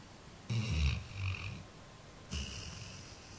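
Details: 13-year-old Labrador sleeping and dreaming: low, rumbling snorts on breathing in, two snoring breaths heard; ordinary dog snoring.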